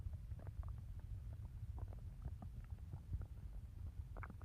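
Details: Low, continuous stomach growling with faint scattered gurgles under heavy low noise, from gas and fluid moving through the gut; borborygmi.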